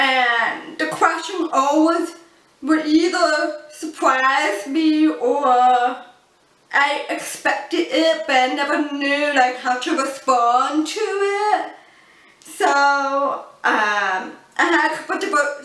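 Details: Adult woman born deaf, using cochlear implants, who learned spoken English through childhood speech therapy; a deaf accent often mistaken for a foreign accent; deaf speech.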